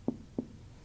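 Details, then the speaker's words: Abdominal exam percussion in the mid-clavicular line, moving upward from the mid-abdomen: tympanic, bowel-like note changes to a dull note over a solid organ, the liver. "to here. You know, definitely we're over a solid organ in this case."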